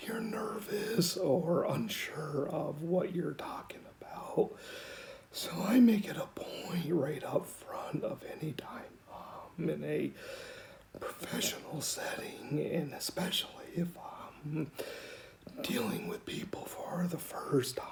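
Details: 49-year-old man, diagnosed at 35 in 2004 with rare mixed adductor/abductor spasmodic dysphonia, self-described somewhat severe; Botox injections do not last long and he really needs his next one; a normal day for him.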